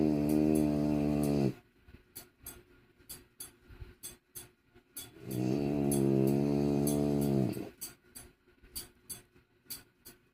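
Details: French bulldog, a flat-faced breed, snoring loudly: long droning snores of about 1.5 seconds each, with quiet snuffling clicks between them.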